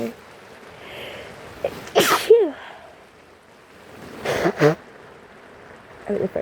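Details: Person who is sick with a cold, recorded while trying to capture rain sounds: two sharp sneezes, each preceded by a quick intake of breath, over soft steady rain; sneezing.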